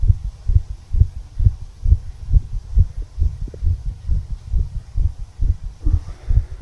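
Steady, regular low thumps of an adult heartbeat heard at the lower left chest border.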